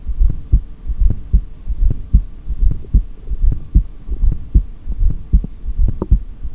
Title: Record 3:17 Exhaled and 4:18 Inhaled Breathholds with Heartbeat Audio (Steth)